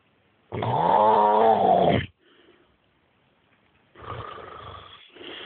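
A loud, deep, vibrating snore on the in-breath, a quiet pause, then a second rougher snore begins; heavy snoring.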